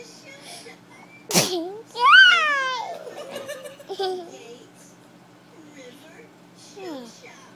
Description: Funniest sneeze ever